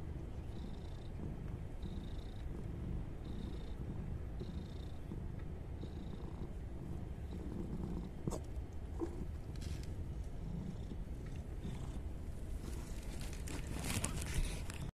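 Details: A mother cat nursing her newborn kittens while kneading gives a steady low rumble with a slow, regular in-and-out rhythm, like purring or snoring, with a few faint clicks behind it.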